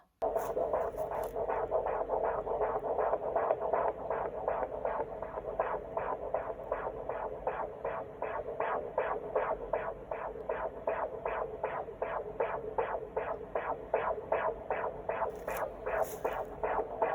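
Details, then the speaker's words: Fetal heartbeat on a Doppler monitor at a 25-week midwife appointment, first time heard, baby girl: rapid, regular whooshing pulses at about 158 a minute. "So I heard the heartbeat for the first time, so I'll insert a little clip here."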